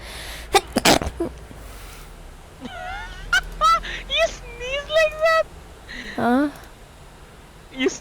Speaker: you sneeze like that why why that sounds so weird why